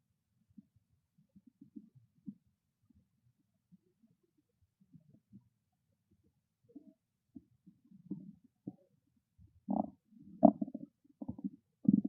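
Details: Hungry stomach growling: soft gurgles building to louder irregular rumbling bursts; ordinary bowel sounds (borborygmi).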